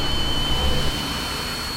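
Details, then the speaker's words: Simulated tinnitus: steady high-pitched whistling tones over a low rumbling hum, parasitic whistling, buzzing or steam-jet noises of variable intensity, a symptom of permanent hearing damage from repeated loud noise exposure. "deuxième symptôme ce que l'on appelle les acouphènes qui sont en fait des bruits parasites soient type de sifflement de bourdonnement de jet de vapeur mais qui sont d'intensité variable au cours de la journée et qui peuvent parfois devenir totalement insupportable"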